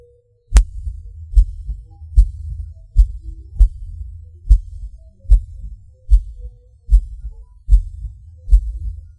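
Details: Person's own heartbeat, felt as pauses or hard beats like a sudden rush or falling: about 74 beats a minute, unevenly spaced, some early or louder beats and short pauses. Irregular heartbeat with premature beats (PVC/PAC), skipped and extra beats.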